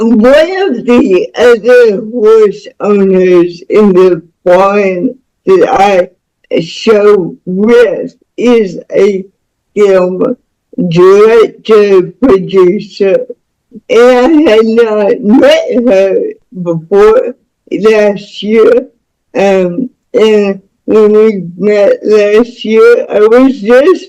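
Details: Speech of a woman nearing 49 with cerebral palsy from birth, born with the umbilical cord around her neck five times. The speech disorder is not specifically named.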